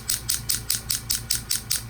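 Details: Low-level shockwave therapy on a chronically painful right ankle with MRI-confirmed partial tear of a lateral ankle tendon with degeneration and inflammation, alongside PRP injections; steady crisp hissing clicks about five a second over a low hum.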